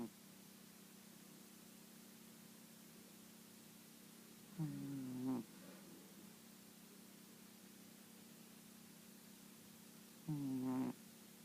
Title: Cat snoring